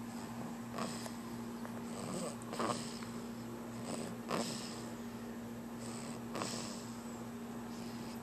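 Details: Soft, snuffly snoring sounds from a sleeping infant with each breath, about 35 a minute, over a steady background hum, recorded on a Flip Video camera; infant snoring.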